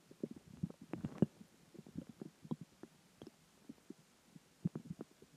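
Quiet, irregular gurgles and bubbly pops over a soft rumble: stomach growling from gas and fluid moving through the gut, a normal sound.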